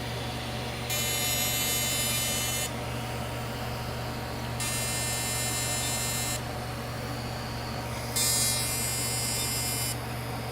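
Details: CO2 laser resurfacing over TCA-frosted facial skin of a male patient with acne scarring and pigmentation: steady machine hum with three bursts of high whining buzz, each a couple of seconds long, as the laser fires.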